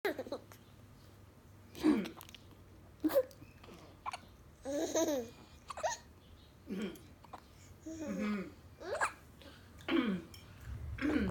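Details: Irregular short voiced hiccup catches, about 19 a minute, mixed with a young child's babbling and laughter as the child copies someone's hiccups; hiccups.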